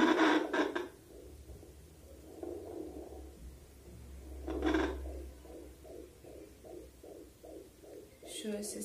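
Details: Rapid rhythmic whooshing pulses from a home handheld fetal Doppler placed on the pregnant abdomen with gel, heard through its speaker: a normal fetal heartbeat faster than the mother's.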